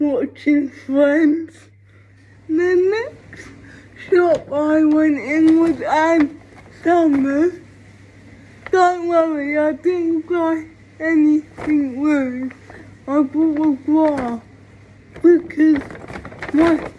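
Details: Female with cerebral palsy; speech of a person with cerebral palsy (specific speech disorder not named; possible dysarthria).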